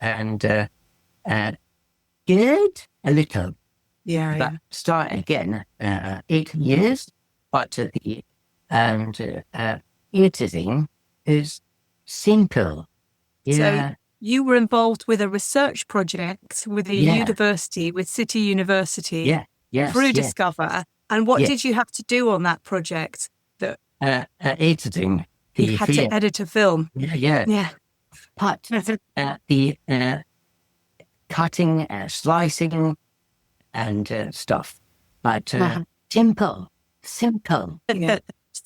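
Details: Non-fluent aphasia from a stroke about 17 years earlier in an adult man; speech is difficult, slow and described as slurred, while reading is fine.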